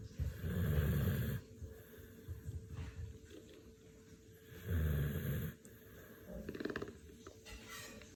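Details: Sleeping dog gives two deep, rumbling snores about four seconds apart, with quiet breathing between and a faint hum behind; snoring.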